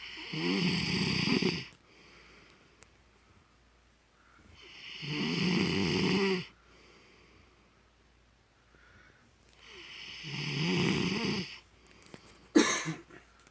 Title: my husband snores so loud pt3